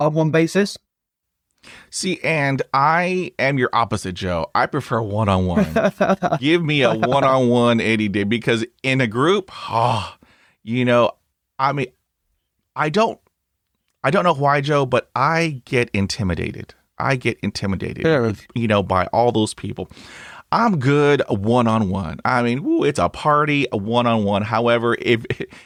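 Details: Adult male speaker; plain speech.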